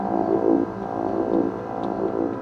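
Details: Steady layered hum with low pulsing tone from an MR-guided focused ultrasound system during first thalamic ablation for essential tremor in a man with 17 years of tremor.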